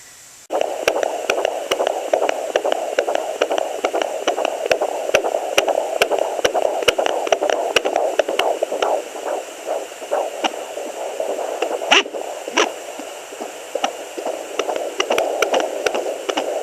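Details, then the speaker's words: Fetal heartbeat at 17 weeks 5 days of pregnancy, second baby, heard on a home Doppler: fast, steady whooshing pulse through static, about 140 a minute, down from around 160 earlier. "It used to be around 160 beats per minute, and now it's, if I'm not incorrect, it should be down around 140 beats per minute."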